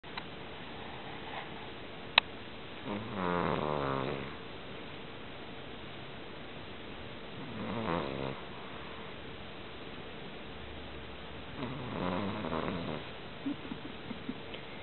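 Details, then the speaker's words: Pet dog asleep: three slow, rattling snores about 4 seconds apart in a quiet room with a faint steady hum; ordinary snoring. "This is definitely how he snores."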